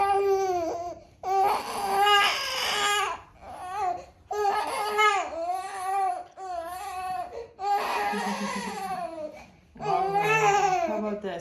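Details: Baby with hip imbalance and postural strain during a gentle pediatric chiropractic session: repeated bursts of crying with a clear wailing tone and brief pauses, with faint background music.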